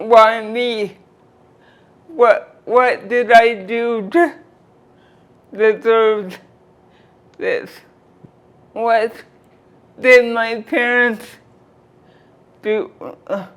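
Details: Dysarthria from cerebral palsy present since birth in a 46-year-old woman who uses a wheelchair.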